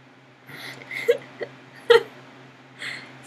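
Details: Person with hiccups: a few short, sharp, irregular gulping sounds in a quiet room; hiccups.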